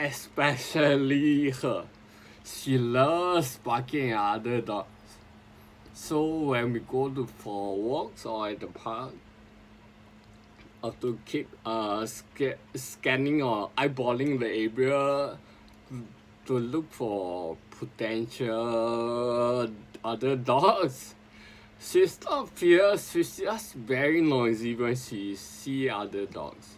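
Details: Adult man with sporadic spinocerebellar ataxia since 2002, speaking as self-directed speech therapy; ataxic dysarthria.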